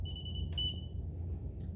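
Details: Short high-pitched electronic beeps over low room hum: normal key-press beeps of a patient-controlled analgesia pump being programmed for morphine 1 mg/mL, before setting a loading dose of 4.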